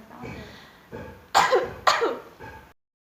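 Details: Simulated effective cough training by a nursing student: after three deep breaths in and slow breaths out through the mouth, two strong, sharp coughs meant to clear secretions without spending much energy.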